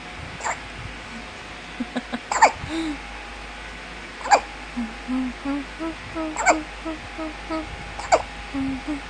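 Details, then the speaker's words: Newborn baby girl wakes with hiccups, sharp abrupt catches about every two seconds, one loud hiccup occurring as she yawns; hiccups resolved on their own; common harmless finding. "loud baby hiccup - father and mother are surprised with loud baby hiccup Baby is supposed to yawn but she hiccups at the same time. Mother mentions baby has a loud hiccup"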